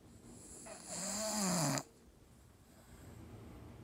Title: Staffy snoring video 6